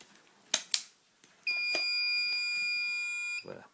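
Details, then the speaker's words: Bodyguard infusion pump alarm triggered by a small air bubble in the tubing: two sharp clicks, then a steady high-pitched electronic alarm tone lasting about two seconds before stopping. "ça peut arriver qu'il est un petit bol d'air qui s'installent ici qui captait 10000 points qui et c'est ça qui déclenche l'alarmé"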